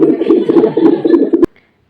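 Rapid, rhythmic whooshing pulses of a fetal heartbeat picked up by a Doppler monitor, cut off after about 1.5 seconds.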